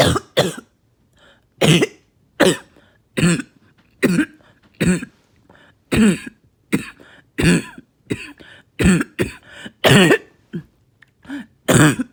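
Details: Productive coughing fit after taking medication, bringing up really thick mucus: about fifteen deep, forceful, wet, rattling coughs.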